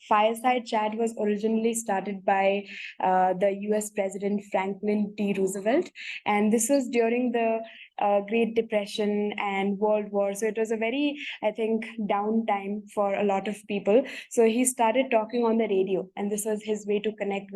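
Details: Adult woman speaking; typical speech.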